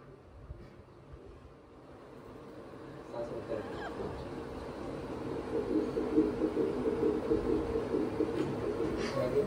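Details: Normal fetal heartbeat on pregnancy ultrasound, reported as normal and fine: rhythmic whooshing pulses at about 140 a minute building over room noise.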